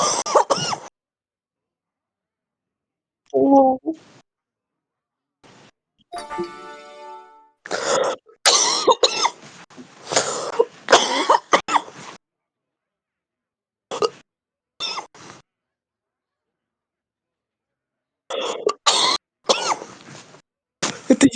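Repeated harsh, chesty coughing bursts and throat clearing in clusters with pauses between them. Typical heavy smoker's cough.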